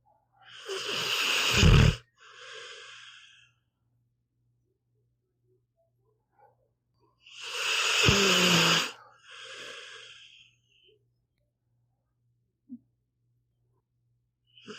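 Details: Sleeping pit bull dog, audio only: two long, rough snoring breaths with a shorter, softer second phase and quiet pauses between; ordinary snoring.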